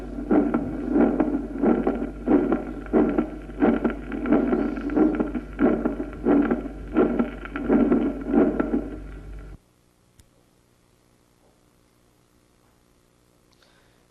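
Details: Teaching recording of a gallop rhythm: a ventricular third heart sound in protodiastole, just after the second sound and after the ECG T wave: S3 gallop.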